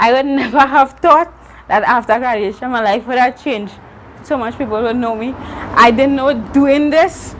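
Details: Adult woman, a university student born with cerebral palsy of the spastic and athetoid type (stiff muscles, uncontrollable movements), with dysarthric speech (cerebral palsy).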